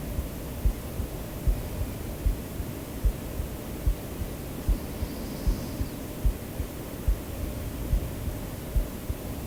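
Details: A real self-recorded human heartbeat mixed into a sleep-aid track, with soft, steady thumps at about 73 a minute under a constant hiss of white noise; normal heartbeat.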